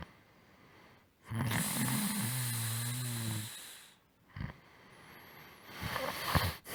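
One long, vibrating snore on a breath in, followed by quieter snorting breaths.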